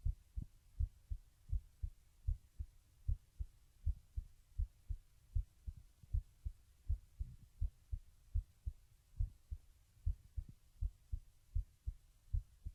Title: Webcam Heartbeat Recording Lying Down